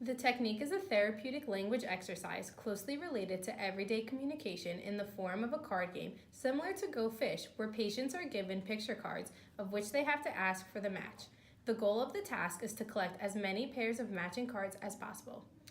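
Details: Adult woman narrating; normal fluent speech.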